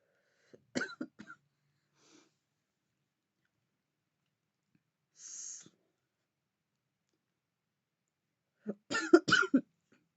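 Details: Woman vaping with deep puffs: bursts of short, dry coughs with breathy exhales between; irritant cough from inhaled vapor during repeated coughing fits.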